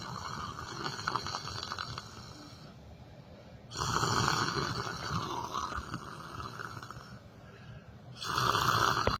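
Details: Person snoring while asleep sitting on a chair: loud, rough snores on breathing, about three breaths heard, with quieter gaps between.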